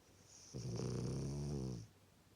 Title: The dog sleeps very sweetly Snores | | Watch to the end! #lake #dog